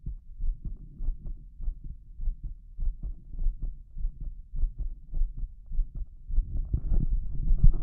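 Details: Adult male stripped to the waist, auscultated at the chest over the heart valves after the lungs, with a visible apical impulse. Loud, fast, regular, forceful heartbeat of about 100 beats a minute: rapid heartbeat.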